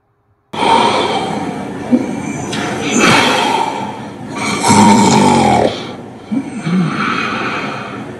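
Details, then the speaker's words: Loud, harsh, rattling snoring in irregular bursts, judged to indicate the obstructive sleep apnoea stage, after snoring was left untreated and progressed through stages. "So ఇప్పుడు మీరు ఈ sound విన్నారు కదా ఈ sound లో ఈ గురక పెట్టేవాళ్ళు అబ్స్ట్రక్ట్ స్లీప్ అప్నియా స్టేజ్ లోకి వెళ్ళినట్టు మనం గుర్తించడం జరుగుతుంది"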